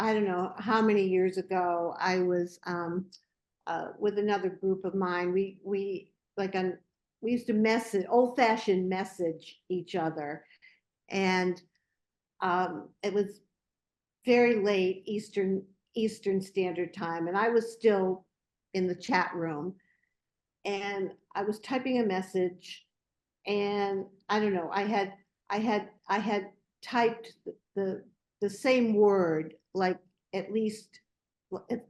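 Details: Stuttering in a woman taking part in a support discussion for older adults who stutter; stuttering.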